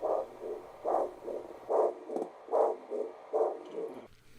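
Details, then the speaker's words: Handheld McKesson Doppler on a distal limb artery: pulsing whooshing signal about 74 a minute, each beat a strong surge with softer follow-through, confirming blood flow where a palpable pulse is hard to find; Doppler arterial pulse signal. "these distal Doppler readings can be really helpful to determine if the patient actually has blood flow to that limb in an otherwise difficult to find palpable pulse"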